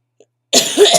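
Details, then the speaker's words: Coughs from a person with chronic illnesses who has acute bronchitis with asthma complications and is on prednisone, voice and body aches, coughing while talking. "you can hear my voice, you can hear my coughs, and my body feels like it's been beat with a baseball bat"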